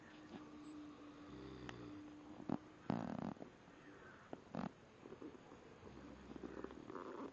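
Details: Snoring, from either a cat or a person.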